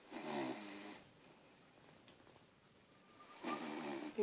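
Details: Sleeping Bichon dog snoring: two rattling, slightly whistling snores separated by a quiet pause of a few seconds.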